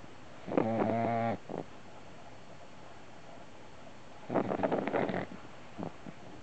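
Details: Sleeping puppy, two short rattling, fluttering snores a few seconds apart over quiet room noise; ordinary snoring.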